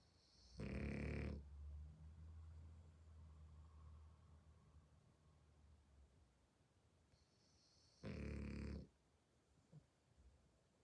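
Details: Sleeping French bulldog snoring: loud rasping snores about eight seconds apart with softer rumbling breaths in between.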